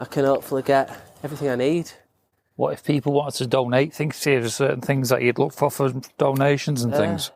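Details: Adult speaker; typical speech.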